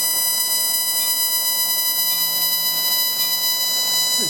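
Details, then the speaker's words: A luminous CO2 laser makes a continuous high-pitched electronic tone while firing during a bloodless lower-lip reduction incision on a Caucasian patient, with faint background music. "So we're going to make our laser incision with a luminous CO2 laser."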